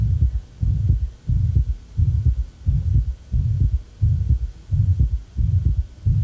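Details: Regular heart sounds at about 87 beats a minute with a short, soft mid-systolic murmur at the apex; acute severe mitral regurgitation.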